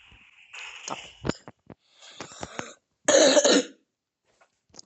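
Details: A few harsh, dry cough bursts, the last loudest, in a quiet room, from a sick person with a sore throat while gaming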